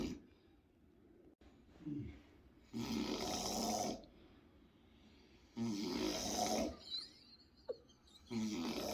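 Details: Brother snoring loudly in an adjoining bedroom, recorded with lights off: loud, harsh snores about a second long on the in-breaths, separated by quiet out-breaths.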